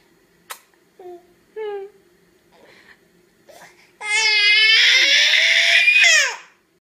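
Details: Infant reacting to her mother, first smiling and babbling with fussy sounds, then crying and rising to a sustained, loud, high-pitched scream; ordinary infant crying.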